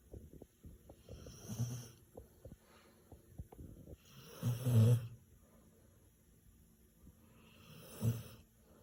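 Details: A dog snoring very loudly, likened by the owner to a truck going downhill, loud enough to keep another from sleeping: snoring.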